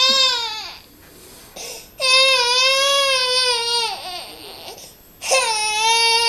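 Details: Baby crying while dad plays with the baby.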